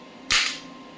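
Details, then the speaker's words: Biotronix clinical horizontal electromagnetic shockwave therapy device running at low frequency, shot counter at 73–78: a single sharp crack-like pop as the applicator fires one shot; shockwave therapy device shot. "Shorts count हो रहे हैं 73, 77, 78, क्योंकि frequency अभी कम रखी है, धीरे धीरे shorts आ रहा है।"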